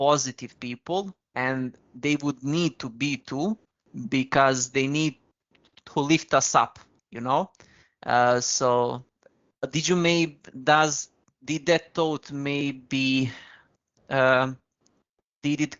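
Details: Stuttering (stammering) in an adult man who has used very slow speech to control it.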